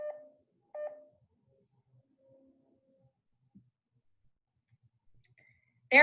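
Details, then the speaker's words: Pulse oximeter tone modulation demonstration: two short beeps pitched lower than at 100 percent, representing an SpO2 of 85 percent; low oxygen saturation tone. "the higher the spo2 the higher the tone the lower the spo2 the lower the tone changing tones with changing spo2 is called tone modulation it sounds like this for an spo2 of 100 percent [Music] and it sounds like this for an spo2 of 85 percent"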